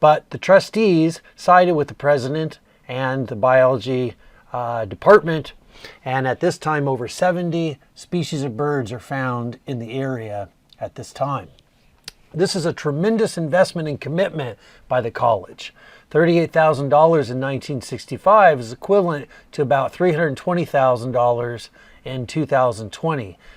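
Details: Adult male speaker; normal speech.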